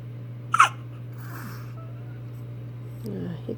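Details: A single short, sharp hiccup against a steady low hum, with a faint soft vocal sound near the end.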